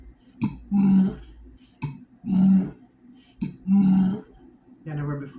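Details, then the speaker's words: Adult with Tourette syndrome: four short, forceful burp-like sounds at a regular rhythm, a repetitive vocal tic. "that burping action that you see, it's a part of the whole stuff that I'm going through, right?"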